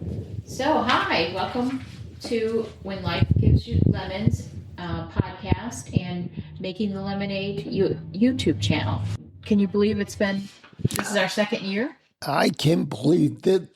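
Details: Adult woman; typical speech.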